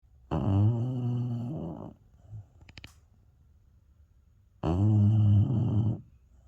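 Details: Long, loud, low vibrating snores on the in-breath with quiet pauses, from a sleeping Beagle: snoring.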